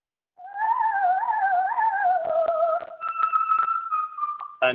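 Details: Archival recording of an opera singer, a woman, singing before her 1930s thyroid surgery and later superior laryngeal nerve injury, with extremely high notes and projection reflecting normal bilateral superior laryngeal nerve function; normal high-register singing voice.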